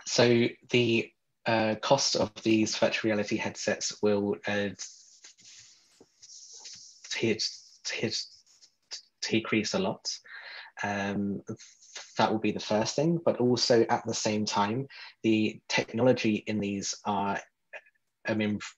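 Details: Real adult man who describes himself as a person who stutters, speaking in a podcast interview; stuttering.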